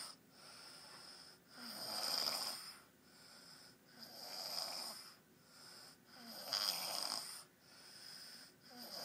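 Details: Snoring during sleep: rhythmic, hissy, rasping breaths repeating about every three seconds, roughly 20 a minute, in a steady pattern.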